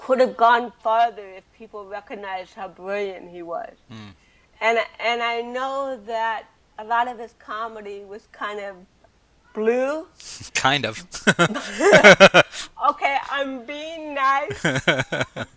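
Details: Adult woman with cerebral palsy since birth, also hearing impaired and wearing hearing aids, speaking in an interview; dysarthria due to cerebral palsy.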